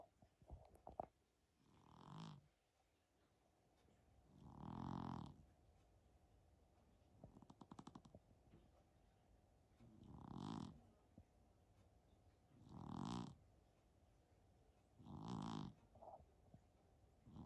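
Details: Persian cat snoring during a nap: five or six deep, rumbling snores at even intervals, about every two and a half seconds, in a quiet room, sounding much like a person snoring.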